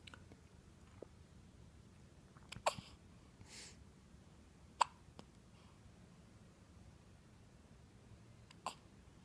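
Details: Hiccups in an awake, alert boy: short, sharp hiccups recurring irregularly, about three in nine seconds, in a quiet room.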